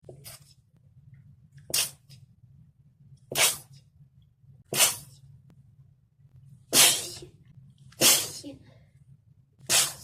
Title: Cold sneeze attack